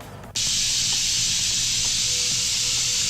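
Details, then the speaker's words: Steady hissing spray as a dental air-water syringe squirts water, as a stream or a spray, onto a Yirro-plus self-cleaning dental mirror under a microscope at 6x magnification; airflow keeps the mirror clear of water. "And we'll go ahead and squirt a little water on our mirror. And you really don't get any water staying on that mirror, no matter whether it's a stream or it's a spray."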